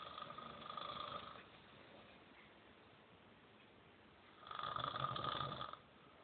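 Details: Adult man passed out after a night of drinking, snoring loudly; snoring.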